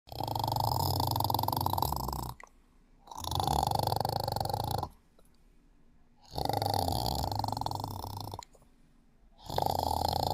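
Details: Loud, rattling snores about two seconds long separated by brief quiet pauses, roughly 19 per minute, from a person sleeping: ordinary sleep snoring.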